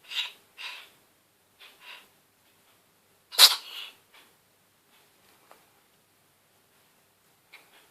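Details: Cat with a cold lasting a few days, later fully recovered: a few soft, hissing sneeze bursts followed by one sharp, louder sneeze, then quiet; frequent sneezing.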